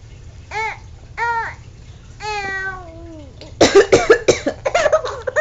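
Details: Acted, deliberate adult coughing: a rapid run of short voluntary coughs following an infant's high squealing coos and laughs.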